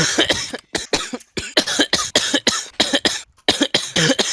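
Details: An adult man coughing nonstop in a rapid, unbroken string of about thirteen short bursts over thin voice-chat audio while playing CSGO; repetitive coughing.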